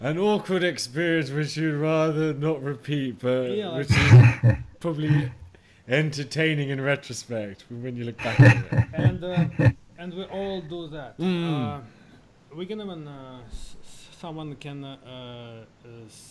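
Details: Adult man who has stammered all his life, managing it with prolonged speech and relaxation techniques; stammering (stuttering).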